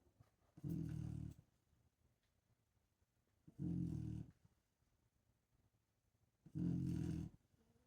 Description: I swear this girl snores louder than most people.